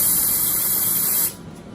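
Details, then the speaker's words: Steady hissing vapocoolant cold spray for about a second, numbing a young man's toe before a local injection, during treatment of a thick fungal toenail with fungus and maceration between the toes. "so let's go ahead and get numb we'll cold spray the bee sting here we go"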